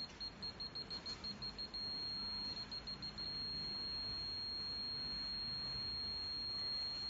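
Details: Mini apex locator: rapid high-pitched beeps in short bursts over steady hiss, then continuous hiss; apex locator signal tones.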